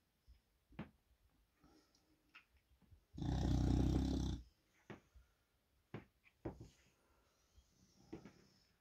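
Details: English Bulldog snoring with his eyes open.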